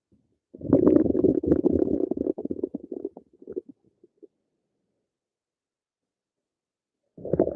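A long bubbling, gurgling rumble that trails off into short pops, then starts again: ordinary active bowel sounds.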